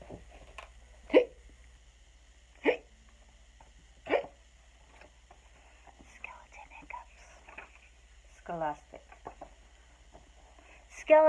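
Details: Adult imitating hiccups while reading a children's story aloud: three sharp, abrupt voiced gulps a little over a second apart, in a quiet room with a steady low hum; simulated hiccups.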